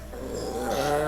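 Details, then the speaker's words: Small Yorkshire terrier in clinic with sudden breathing trouble after an hour chasing cats, heavy panting: brief, loud, goose-like honking cough of collapsing trachea. "And that's the cough. The honking cough they use when they have a collapsing trachea."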